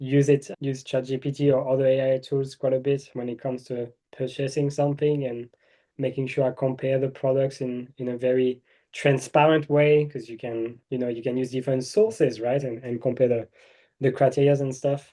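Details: Adult male speaker; normal voice.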